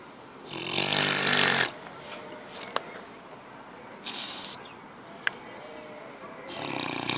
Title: Funny Videos of Pigs Snoring